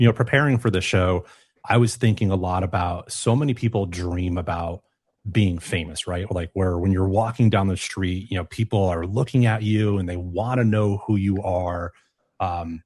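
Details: Adult male speaker; Normal conversational speech.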